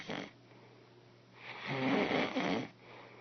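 A short snort, then one long, loud, rattling inbreath snore with a rough, vibrating sound: snoring.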